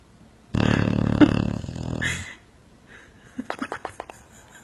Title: I don't snore.I dream of being a motorcycle